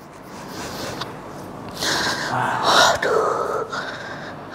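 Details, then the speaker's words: Man with a 3-month frozen shoulder and severe pain on raising the arm, during sports-injury massage treatment. Sharp intake of breath, then strained moaning during shoulder movement. Pain vocalization. "Kalau nggak kuat bilang pak ya karena ini memang sakit"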